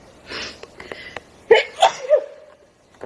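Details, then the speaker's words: Woman with hives on the back and sides of her thighs, itchy nose and itchy throat, apparently reacting to the pet she is about to bathe: quick sniffs, then two or three sneezes with breathy catches; allergic sneezing. "I can't show you, but I have hives on the back of my thighs and on the sides, and I can't even tell you how much my nose is itching."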